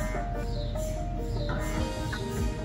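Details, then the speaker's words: Steady electronic tones shifting in pitch over a low rumble: gradient noise of an MRI scanner acquiring cardiac MRI images of the heart. "you hear now is actually the machine taking images right"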